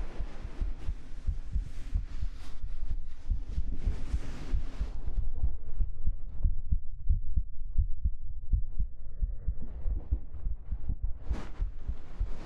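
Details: Steady, soft low thumps of a heartbeat heard up close with gentle fabric rustling, recorded with a 3Dio binaural microphone for an ASMR hug roleplay; a regular, normal rhythm.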